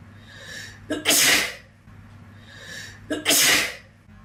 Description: This is sneezing video 2.